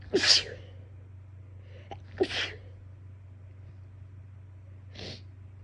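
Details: An itchy sneezing fit from a person with a bothersome nose, recorded in a car: two forceful sneezes about two seconds apart, then a softer half-sneeze burst, over low steady car hum.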